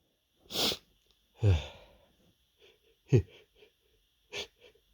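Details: Big sneezes (m): four forceful sneezes in a row, with quick breaths and sighs between them, a sneezing bout.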